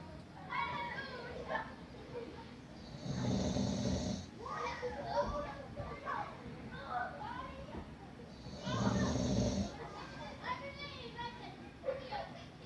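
Two low, rumbling snores several seconds apart, with children's voices and chatter in the background; ordinary snoring.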